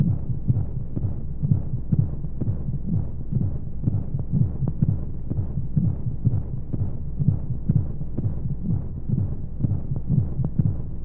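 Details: Womb sound sleep aid for babies: steady, muffled low thumps at about 125 a minute over a soft whooshing hum, monotone flow noise and white noise, like a heartbeat from inside the womb; heartbeat.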